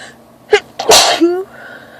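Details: Single sneeze during an allergy-related sneezing episode with itchy, watery eyes: quick intake followed by an explosive hissing burst and a brief voiced tail.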